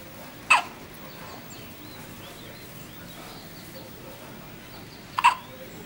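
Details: Newborn two days old having first hiccups: two brief, sharp hiccup sounds about five seconds apart over quiet room noise with faint bird chirps.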